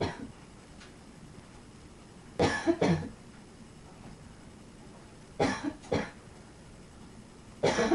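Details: Dog coughing: three short bouts of harsh coughing, each a pair of bursts, separated by quiet room noise; cough.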